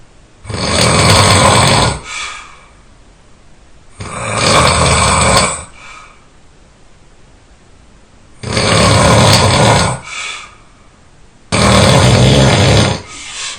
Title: my loudest snore ever